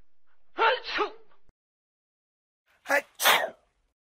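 Two sneezes are heard, each a sharp intake followed by an explosive burst of air.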